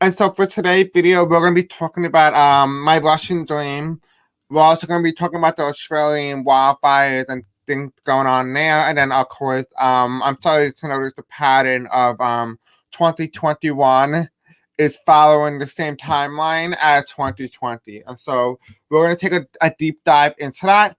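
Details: Self-described deaf accent, with reported difficulty pronouncing certain words: deaf speech.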